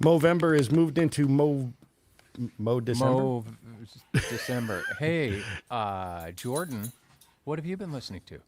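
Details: Adult male speaker; normal voice.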